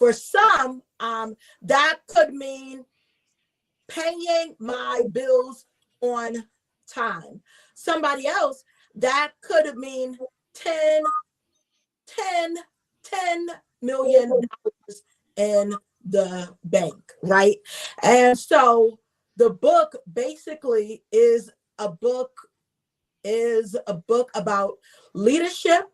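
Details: Adult woman, self-identified stutterer who reports getting stuck on words, also a traumatic brain injury survivor; word repetitions heard; stuttering.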